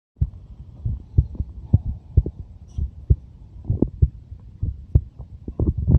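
Low, dull heartbeat thumps in paired lub-dub beats at roughly 65 a minute, with some low rumbling noise.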